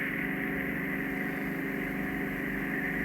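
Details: Endoscopic ear canal microsuction by a registered nurse on a man who had likely not had it done for years, with cholesteatoma queried: a steady loud suction hiss and hum with faint crackling as material is drawn through the tube.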